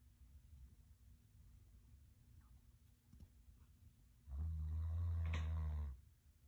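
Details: Sleeping dog snoring at Christmas: one long, low, rumbling snore against quiet room noise.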